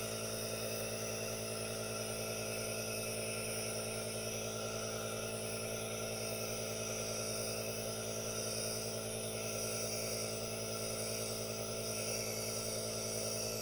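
Steady, continuous hissing hum of a nebulizer compressor running without pause.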